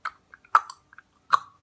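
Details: Short, sharp, repetitive mouth-and-throat noises in quick bursts, involuntary repeated vocal tics described as echolalia in Tourette syndrome.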